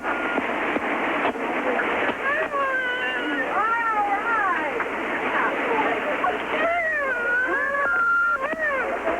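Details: Thin, wavering cries of a newborn girl, possibly premature ("doesn't look like a full-term baby"), heard over a noisy phone line after stimulation and resuscitation breaths and compressions, in an acted 911 reenactment.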